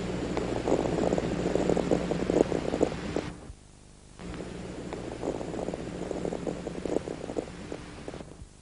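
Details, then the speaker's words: Stethoscope chest auscultation, seated patient, deep breaths: fine inspiratory atelectatic crackles from reopening collapsed lower-lobe alveoli after lying down overnight; a normal finding that clears with deep breathing, unlike pneumonia or heart-failure crackles. "cuando el paciente ha logrado despegar los alveolos los estertores este tipo de estertor crepitante o despegamiento desaparece"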